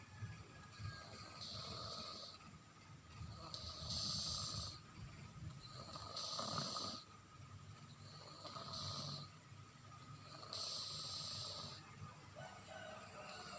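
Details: Sleeping baby snoring softly and regularly with a hissy, nasal quality, about 26 breaths a minute, over faint room noise; infant snoring in sleep.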